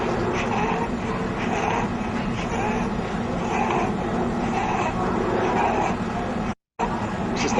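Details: Wheeze demonstrated in a lecture on laryngomalacia: repeating high-frequency whistling breath sounds over a noisy background, described as coming from narrowed lower airways.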